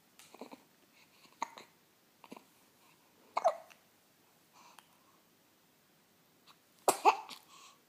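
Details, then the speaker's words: 10-day-old baby with hiccups: soft, brief, irregular catches, several small hiccups and a louder burst near the end, in a quiet room; hiccups then go away. "Your hiccups go away. Yay! Good job, honey. Good job. Are we happy about that? Did the hiccups went away?"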